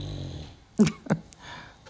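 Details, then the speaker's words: Pet dog sleeping in the background, owner says he snores very loudly; low rumbling breath noise, then two short, loud snorting bursts over quiet room noise: snoring. "I don't know if you can hear my dog snoring in the background what I saw he is so loud I put earplugs on when I'm sleeping because he's snores that loud that's pretty bad"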